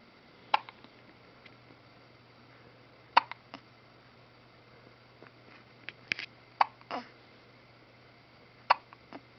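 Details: Infant in a frog outfit with hiccups: brief sharp catches recurring irregularly, about 17 a minute, over a steady low hum.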